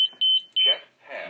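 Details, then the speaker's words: Zoll M Series defibrillator switched on to the defib setting for its daily energy test, with a test module and multifunction cable: two short high electronic beeps then a longer tone, faint room noise; startup beeps. "let's turn it to the tip setting you'll get a series of beeps"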